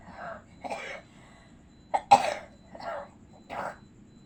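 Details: Acted cough: an adult gives about six short, rough coughs and throat-clears, imitating a sick pocong ghost character with a cough who can't go home for the holiday.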